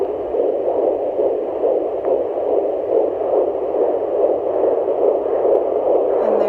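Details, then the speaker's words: Home fetal Doppler (FIGERM JPD-100S6) on the mother's lower abdomen at around 20 weeks of pregnancy: rapid, regular whooshing fetal heartbeat, about 140 beats a minute. "but yeah that's how you listen to your baby's heart rate at around 20 weeks on a fetal toddler"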